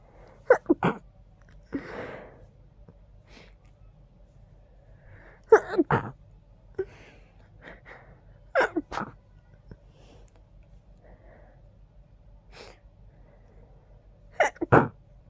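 About four quiet, held-back sneezes, each a short sharp burst, with sniffing breaths between them in congestion.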